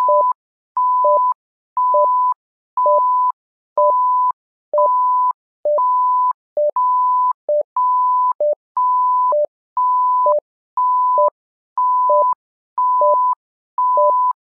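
Steady two-tone beeps repeating about 60 times a minute from a simulated patient monitor.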